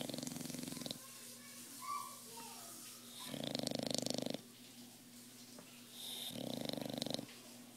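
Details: Sleeping bulldog, Ziggy: repeated rough, buzzing breaths, three snoring bursts about a second long, with steady background hum; snoring.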